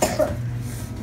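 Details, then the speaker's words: Young boy with fever, breathing difficulty, cough with post-cough vomiting and poor sleep, possible RSV exposure; examiner notes a squeaky expiratory wheeze and possible pneumonia: one short cough, then low room noise. "no it doesn't sleep very well with the coughing"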